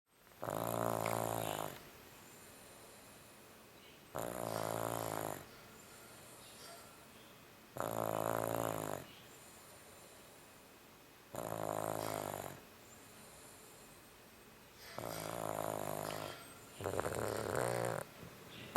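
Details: Sleeping dog snoring: loud, rhythmic, rattling snores with each breath, about 16 breaths a minute.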